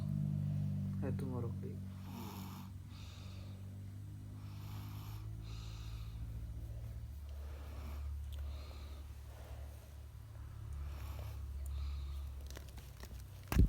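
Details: Child sleeping and snoring: deep, rattling snores repeating over several breaths with some background noise.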